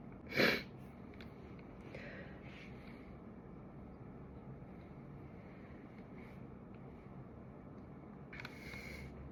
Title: some sneezes